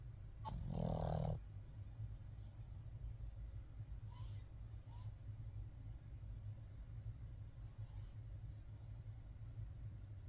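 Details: Dog (Buckley, puppy) fast asleep, snoring; owner says his breed snores, volume turned up. One short, low snore near the start, then quiet breathing and faint high squeaks over a steady hum.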